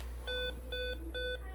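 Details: Three evenly spaced electronic alarm beeps repeat over a low room hum: a bedside patient monitor alarm during supraventricular tachycardia (SVT) with hypoxia, with oxygen saturation falling despite high-flow oxygen.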